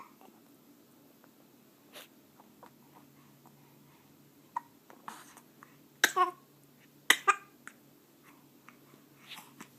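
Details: 4-week-old infant hiccuping: short, abrupt, soft catches of breath recurring irregularly, several within ten seconds, in a quiet room.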